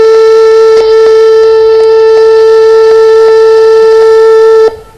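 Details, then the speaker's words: Patient monitor flatline warning played in a talk on medical alarm design: a single steady, unbroken electronic tone lasting nearly five seconds before cutting off; flatline alarm tone. "Well, I was going to play my flatline sound, which is the worst warning ever. I mean, I know that it has a meaning because we all know what a flatline means, but."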